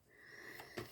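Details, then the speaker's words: An adult who says they are wheezing while talking: a thin, high whistling tone runs through a breath, then ends in a short sniff-like rush of air. "Okay, so I'm wheezing. You could be involved with someone who's asthmatic as well."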